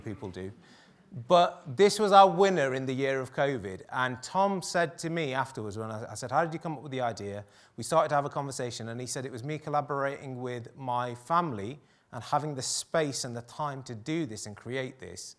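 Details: Adult male speaker; normal speech.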